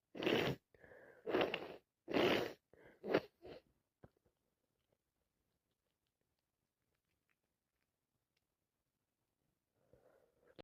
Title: #achoo #commoncold #cold #sniffles #snotty